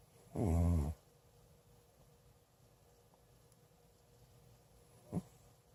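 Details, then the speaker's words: Old adopted cat snoring loudly enough to wake the owner: one loud, rough, low snore with a faint short snort after it in a quiet room. "You are snoring. Yeah? You wake me up."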